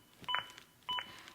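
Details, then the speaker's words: ZOLL AED Plus CPR metronome in a demonstration: two high, clear beeps about 0.6 seconds apart, pacing chest compressions at about 100 a minute; the beeps stop during rescue breaths and resume in sync with compressions. "if you do stop compressions like I am now to give 2 breaths the metronome stops when I start back up the beeps begin again and are synchronized to my compressions and again speed me up to at least 100 compressions as recommended by the American Heart station"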